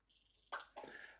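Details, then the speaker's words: Two short, sharp cough bursts in a quiet room from a woman with COVID-19 on about day two, feeling better than before. "as you can hear laura still coughing but doors you're not as bad as you were are you"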